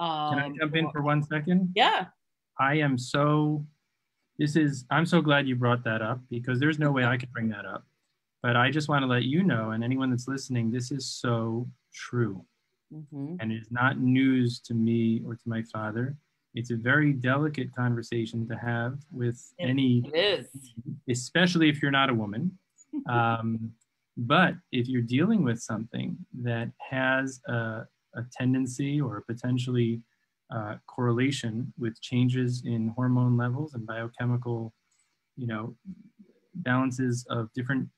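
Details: Adult male speaker; conversational speech.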